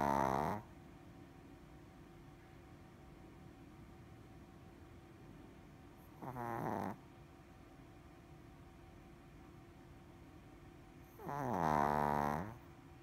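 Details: Shih Tzu snoring during a nap: slow, evenly spaced, buzzy snoring bursts, about eleven per minute.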